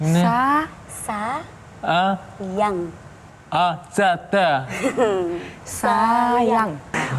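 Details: Man with motor (Broca's) aphasia after a left-hemisphere stroke three months earlier; comprehension preserved but speaking difficult; attempting a single prompted word.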